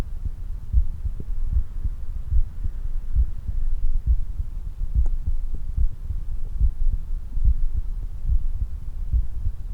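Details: Regular, fast, strong heartbeat at about 95 beats per minute with clear paired beats, recorded after exercise; normal heart sounds after exercise.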